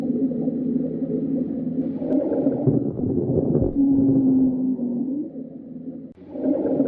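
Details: Continuous low-pitched musical wheezing with gurgly rattles, typical of an infant with bronchiolitis; bronchiolitis breath sounds.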